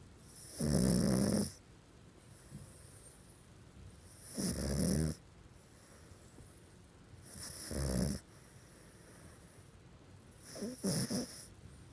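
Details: Sleeping pug with half-open "zombie" eyes: four loud, rattling snores about three seconds apart with quiet breathing between; snoring.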